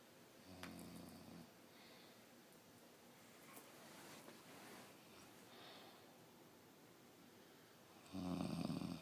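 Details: Snoring in a man who claims he doesn't snore: two low, vibrating snores on breathing in, one near the start and a louder one at the end, in a quiet room.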